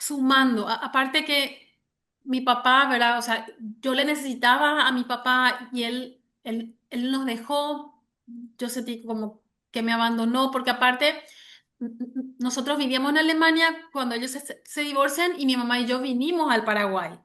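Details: Adult woman who has stuttered since age 6, onset linked to her parents' divorce; severe in childhood, now mild (about 80% fluency) and cyclical, mainly blocks; word repetitions heard; stuttering.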